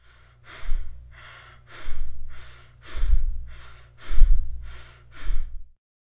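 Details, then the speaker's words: Demonstration of tachypnea, rapid breathing seen in pulmonary embolism, MI or panic disorders: quick, shallow breaths in steady succession, about ten in six seconds. "Next we have tachypnea, which is the rapid breathing, and we see this in many disorders such as pulmonary embolisms, MIs, panic disorders, and many others."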